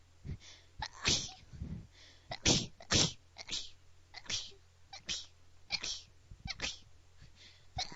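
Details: Person sneezing like a bunny: a run of about six small, quick, high-pitched sneezes in close succession over a steady low background hum.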